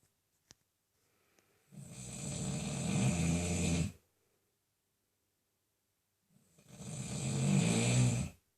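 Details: Snoring in a man who claims he wasn't even asleep: two long, low, rattling inhaled snores separated by a few seconds of quiet in a small quiet room.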